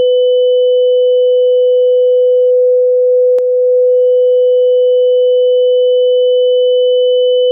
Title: Tinnitus